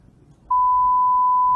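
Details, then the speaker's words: Pure-tone audiometry (PTA) demonstration: a steady pure beep starts abruptly and holds, an 80 dB tone played through headphones to a person whose threshold proves to be 40 dB; test tone. "먼저 헤드폰을 씌웁니다. 그리고 80dB 소리를 헤드폰으로 들려줍니다."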